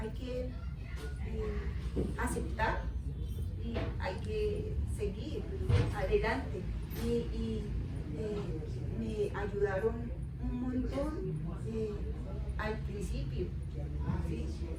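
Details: Aphasia in an adult woman, 13 years after a left-hemisphere cerebrovascular accident (ruptured aneurysm, haemorrhage); unable to speak, read or write for about a year and a half afterward.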